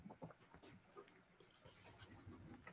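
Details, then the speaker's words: Dog snoring heard faintly during a video call: quiet, rough, grunting snores from a sleeping dog against room noise. "Yeah, you can hear him. He's snoring."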